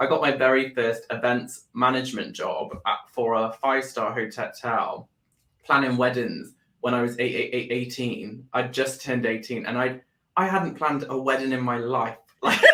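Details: Adult man with Tourette syndrome that began about four years earlier after seizures and brain swelling; motor and vocal tics including whistling, swearing and word repetition, with a stammer that followed a loss of speech. Stuttering-type repetitions in Tourette syndrome.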